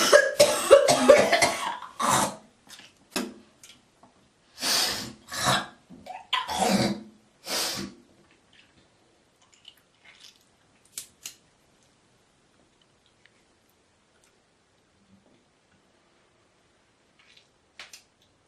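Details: Girl coughing, hawking and spitting: a run of harsh coughs and throaty clearing, then quieter breathing and a few faint clearing sounds.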